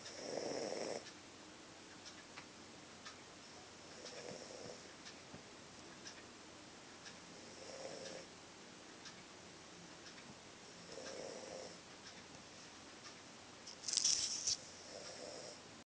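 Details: Sleeping pet snoring heavily: soft, rough breathing noises recurring about every three to four seconds over quiet room hiss.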